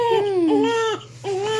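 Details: Newborn boy born in hospital after his mother's blood pressure spiked; he had a neonatal ICU stay. Described as very hungry: rhythmic, clear-voiced repeated wails with brief breaths between; newborn hunger cry.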